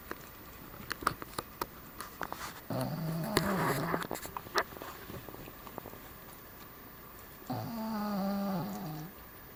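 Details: Cavalier King Charles Spaniel dog: two soft, nasal snorting snores among clicking and rustling room noise; light snoring.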